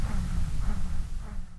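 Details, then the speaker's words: Recording from a real patient diagnosed with pulsatile tinnitus, heartbeat heard in the ear from a vessel problem near the ear: low, rhythmic whooshing rumble pulsing in time with the heartbeat. "박동성 이명은 내 심장 박동 소리가 귀에서 들리는 것을 얘기를 하는데요. 실제로 귀 주변에 어떤 혈관에 문제가 있어서 심장 박동음이 잘못해서 귀에 전달이 되는 그런 증상이고,"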